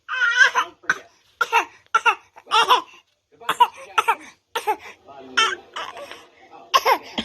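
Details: Deliberately faked coughs that turn into real ones: about ten short voiced coughs in a row, some forced and laugh-like, others more natural; a cough bout.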